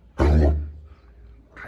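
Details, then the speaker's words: Dog's harsh, dry hacking cough with retching quality, repeating; owner suspects something eaten caught in the throat, appetite otherwise normal. "就这个状态，他就是吃什么东西，给吃的不舒服，嗓子眼儿的不舒服，他食欲也没事儿啊，然后别的正常也没有，然后在这干卡，那就是那个吃东西吃卡住了，"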